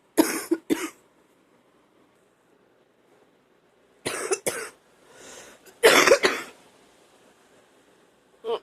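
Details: Person coughing up phlegm, feeling like drowning in it and still trying to clear the lungs; productive (wet) cough.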